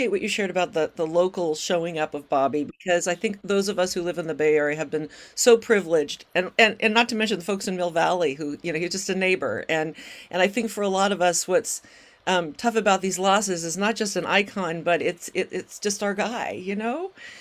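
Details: Adult speaker; ordinary speech.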